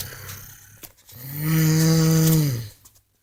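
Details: Sleeping person recorded by a companion: one loud, deep, rumbling snore on an in-breath, with quieter breathing around it; loud snoring.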